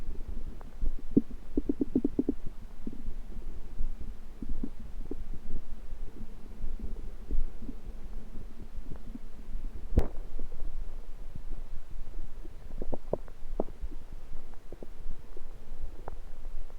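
Low, irregular gurgles and clicks over a steady deep hum, typical of ordinary stomach rumbling.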